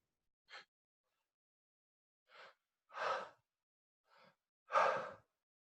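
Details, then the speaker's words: Stuttering breathing technique, ten connected breaths with lower abdomen rising first then chest: five audible breath sounds, each a brief airy rush with short pauses between, aiming for a relaxed exhale. "you may hear me it doesn't matter but you're looking for a relaxed exhale on a connected"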